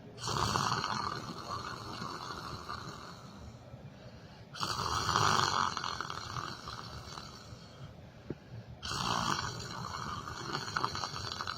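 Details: Three loud, harsh snores about four seconds apart, with noisy breathing between, roughly 14 breaths a minute; ordinary snoring from someone asleep sitting on a chair during yoga meditation.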